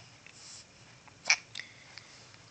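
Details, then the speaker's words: Infant boy with hiccups lying in a Boppy pillow: a single faint, abrupt hiccup in a quiet room, followed shortly by a soft click. "oh hold on i'm going to change his diaper first no he has the hiccups he sneezed his whole head forward"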